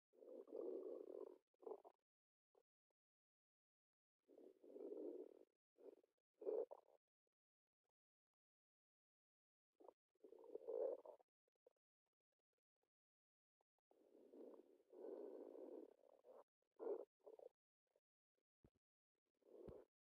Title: tummy...